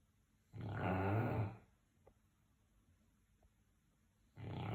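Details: Snoring from a sleeping dog: a rough, rumbling snore about a second long, then quiet before the next one starts.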